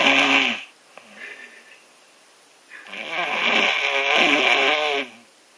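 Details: Snoring while sick: two loud, harsh, fluttering snores with a quiet pause between them; heavy snoring, likely with a congested airway.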